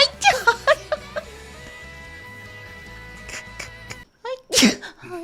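An adult woman gives one sharp, explosive sneeze after a brief wind-up, with music playing in the background.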